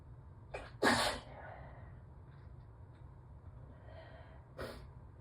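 A quick inward gasp and a forceful wet sneeze, then a second smaller sneeze moments later; allergy sneezing in a quiet room.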